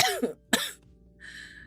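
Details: Woman, unwell and hoarse during a live stream: two quick, sharp, dry coughs in close succession, then faint background sound.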